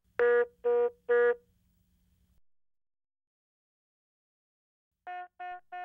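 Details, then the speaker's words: HeartStart MRx monitor/defibrillator: short groups of three clear electronic beeps, an INOP alert signalling a device problem such as a leads-off message, shown on a cyan background; INOP device alert tone. "in UPS indicate a device problem or error condition such as this leads off message and they appear in this cyan background and sound like this"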